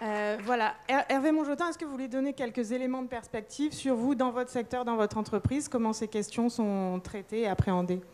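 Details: Adult woman speaking French; Normal speech.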